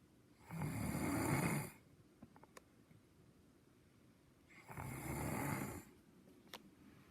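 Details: Snoring recorded September 26, 2019: two loud, rough snoring breaths about four seconds apart, roughly 15 breaths a minute, with quiet pauses between.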